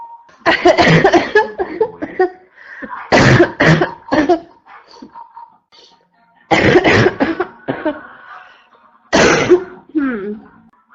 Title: constant barking cough 2 (f)